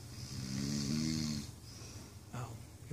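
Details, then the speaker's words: One long, buzzing snore on the in-breath, then a quieter breath, from an adult husband in deep sleep while his wife talks to him; ordinary snoring. "sounds like you've heard me subconsciously because your snoring is getting louder"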